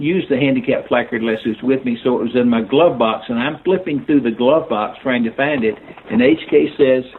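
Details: Older adult man speaking; unaffected speech.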